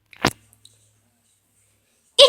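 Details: Single sharp, explosive sneeze followed by silence, with another burst starting just as it ends.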